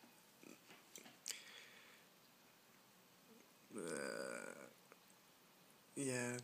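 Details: Person recording at about 6 a.m., awake with hiccups: two drawn-out, low, voiced belches, the first about a second long, with faint movement noise between them; burping.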